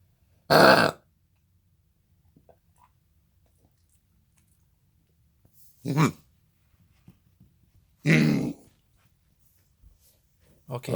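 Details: Thor, a pet dog with kennel cough: four harsh, honking cough bursts separated by quiet pauses.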